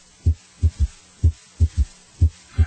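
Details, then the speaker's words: Third heart sound (S3): low thudding triplets, soft sound shortly after S2, about 62 beats a minute. "now notice how the third heart sound disappears when the bell is placed more firmly on the chest wall"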